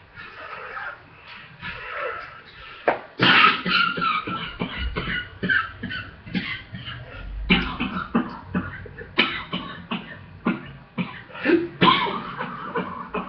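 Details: Long run of short, rapid, tight coughs with strained breaths between, after a run, lungs still weak from recent illness; cough during a small asthma flare after exercise.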